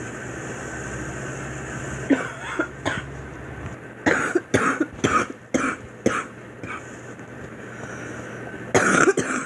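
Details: Girl producing about eight dry, forced, acted coughs in short runs.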